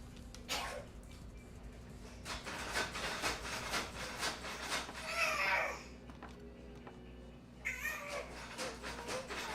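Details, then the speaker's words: Pet cat with a cough but otherwise happy, healthy, bouncy and energetic: a series of short, harsh coughing bursts with a couple of meow-like sounds over faint background music; feline cough. "um baby coin has a cough as you can hear other than that he's happy healthy bouncy and energetic"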